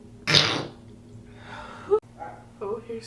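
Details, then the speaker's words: Girl sneezing while eating, who says her sneezes show she is getting full: one sharp hissing sneeze burst followed by soft breathy sounds and a brief vocal noise; a single sneeze. "sneezes. That's how you know I'm getting full."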